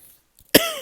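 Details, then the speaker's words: Adult woman: a single abrupt, unexpected cough with sharp onset and brief voiced tail. "excusez-moi pour le la toux intempestif"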